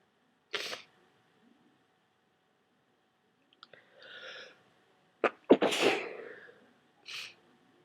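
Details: Several forceful, wet-sounding sneezes with sharp bursts and sniffly breaths between them, from a person with a cold who had taken a decongestant; sneezing with a wet cold.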